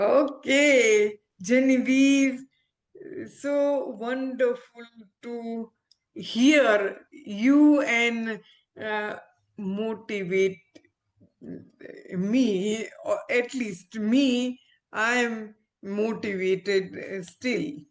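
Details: Adult woman with aphasia after a stroke around when she delivered twins 7 years ago, recovering with speech-language therapy, communication still impaired; aphasia after stroke.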